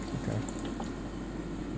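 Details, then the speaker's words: Bubble CPAP setup on a NICU mannequin (simulated), ordered 8 cmH2O and 60% FiO2; continuous low gurgling of the water chamber as flow is adjusted toward a rolling boil, too much flow noted. "it's add to flow you don't have to flow high enough it won't bubble we need to get a good stream of bubbles coming that that's too much"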